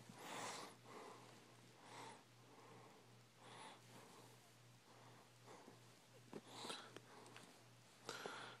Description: My cat Winston snoring away, sounds like a person sleeping.